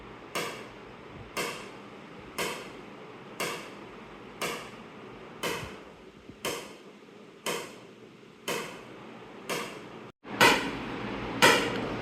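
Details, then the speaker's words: Extracorporeal shock wave lithotripsy (ESWL) on a patient lying comfortably without anaesthesia, X-ray focused on a right proximal ureteric stone: loud sharp snapping pulses about once a second, a few louder near the end; lithotripsy shock waves. "मैं आपको stone दिखाता हूं जो मैंने focus किया हुआ है। अब ये सारी शॉक वेव स्टोन को ही लग रही है।"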